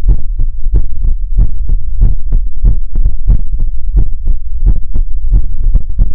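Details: Heartbeat sounds in an ASMR recording: loud, deep, regular paired thumps at a quick pace, roughly 110 a minute; a fast heartbeat.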